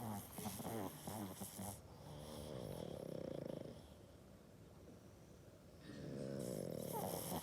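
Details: Snoring in a sleeping pug dog with her tongue out: rattling, snorting breath noise through the nose and throat; loud snoring.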